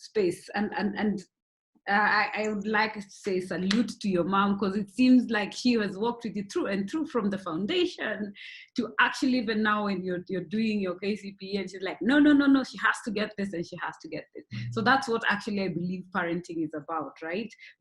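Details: Adult host; typical speech.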